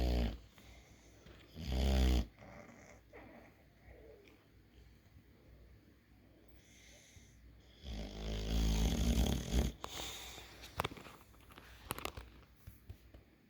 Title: snoring eevee